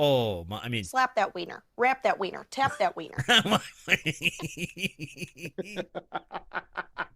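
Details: 21-year-old woman with Tourette syndrome, a chronic neurological disorder with involuntary motor and vocal tics that she says anything seen, heard, smelled or thought can trigger; Tourette syndrome vocal tics.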